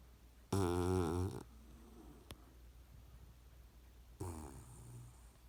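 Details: Sleeping Puggle puppy snoring loudly: a loud rattling snore, then quieter snuffly breathing and a second, softer snore.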